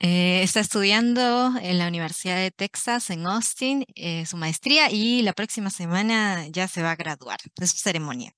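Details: Adult woman, Spanish interpreter; typical speech.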